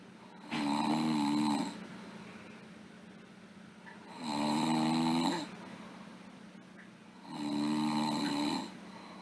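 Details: Sleeping girl: three rhythmic, rattling snores, one per breath, about 18 a minute, with quiet breathing between them; snoring during sleep.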